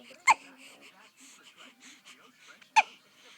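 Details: An infant's hiccups recorded 5/24/13: two sharp, sudden hiccups about two and a half seconds apart with soft baby noises between them; ordinary baby hiccups.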